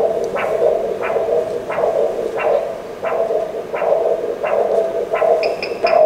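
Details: Pulsed-wave Doppler of the carotid artery on a US-HCL5P ultrasound system, patient supine: rhythmic whooshing pulses at about 87 per minute, normal carotid artery Doppler flow signal.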